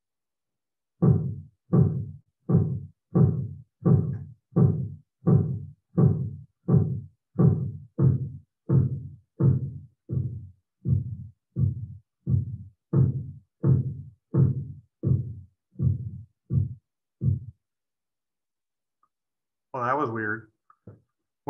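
Regular low tapping at about 85 a minute continues without fading out, then a cuff release whoosh; Korotkoff sounds persisting to zero, an artifact.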